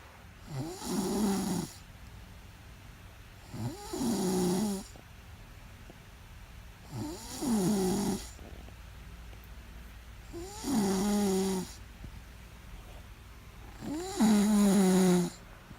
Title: Woman snores loudly keeping the husband awake! But the husband has a YouTube account!